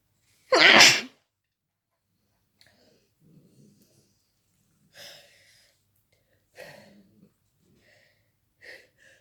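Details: Person feeling sick, woken in the middle of the night sneezing: one loud explosive sneeze, then quieter breaths and small sneezy bursts in a quiet room; intense rapid sneezing fit.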